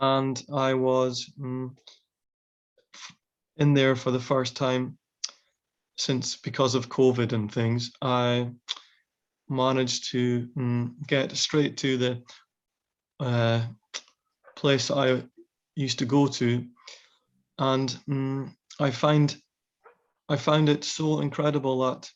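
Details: Aphasia in a man after a brain tumour; speech with fillers and hesitations.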